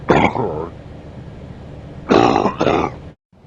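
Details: Two loud, harsh voiced coughing bursts with quiet breathing between, from an adult man coughing during sleep.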